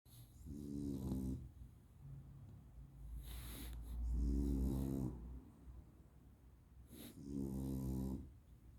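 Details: Loud, rattling, buzzing snores on the in-breath, about 18 breaths a minute, with hissing air between them: a flat-faced dog's snoring.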